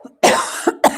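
A single harsh adult cough burst followed by two short throat-clearing pulses, in a quiet room; a brief cough.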